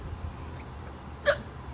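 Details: A young child who has been hiccuping for a long time after drinking milk gives a single sharp, brief hiccup over quiet room noise and a low hum.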